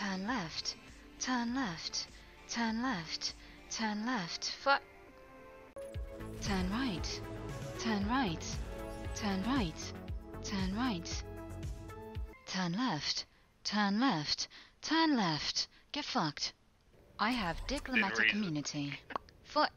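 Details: Tourette syndrome vocal tics in a female, involuntary inappropriate phrases, heard while she plays Overwatch.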